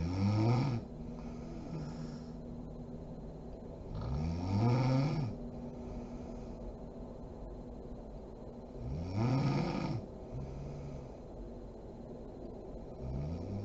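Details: Mother (adult woman) asleep: deep, rough snores on each in-breath, about 13 a minute, in a quiet room; ordinary sleep snoring.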